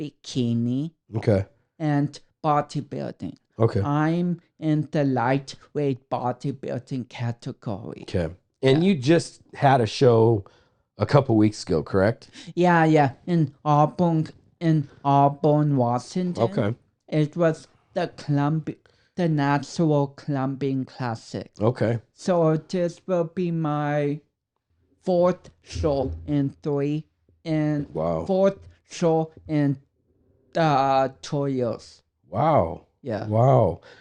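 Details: Dysarthria from cerebral palsy in a 32-year-old man, whose cerebral palsy affects speech coordination and walking.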